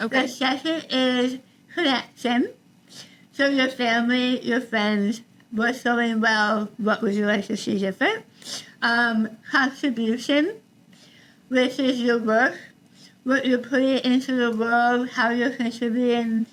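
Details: Adult woman about 3 years after treatment for stage 4 tongue cancer: over half of tongue removed and rebuilt with forearm skin graft, neck dissection, 6 weeks radiation and chemotherapy; some listeners cannot understand her; articulation disorder after partial glossectomy.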